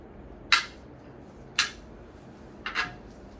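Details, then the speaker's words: Handheld Doppler ultrasound probe with gel angled 45–60° over the brachial artery for a diabetic foot examination: three sharp, high-pitched whooshing pulses, about 55 per minute; Doppler arterial pulse signal. "Kemudian saya akan menggerakkan perlahan di daerah arteri brachialis sampai terdengar suara pulsasi yang paling jelas."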